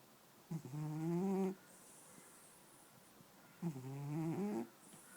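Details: A black-and-white cat sleeping next to its owner, snoring: two low, buzzing snores on the in-breaths with quiet pauses between; ordinary sleep snoring.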